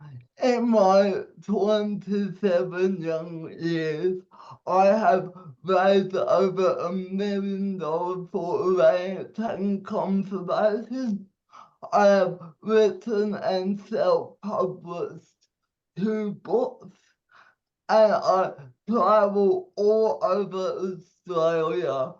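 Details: 27-year-old man with cerebral palsy giving a speech; dysarthria (cerebral palsy).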